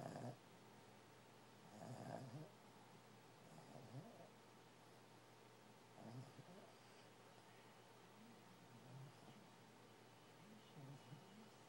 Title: Cuppy snoring